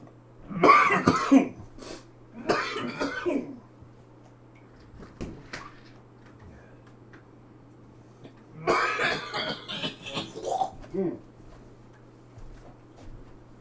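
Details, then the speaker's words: Adult smoker coughing while cooking, after breathing in pepper steam from deglazing a pan. Two clusters of harsh, rough coughs with throat clearing over a steady kitchen hum: a nasty smoker's cough. "Which is made even worse because I'm a smoker. So I have a nasty smoker's cough too."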